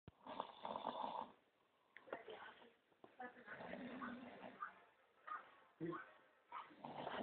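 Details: A man snoring after staying awake about 36 hours playing video games.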